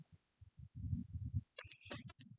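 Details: Normal heart sounds auscultated in an adult female patient during a physical assessment; she is calm, cooperative and not in distress.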